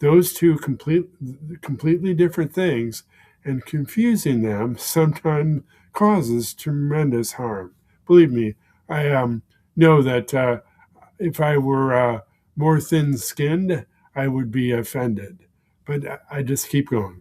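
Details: Man with aphasia following a stroke, present for more than 16 years; aphasia.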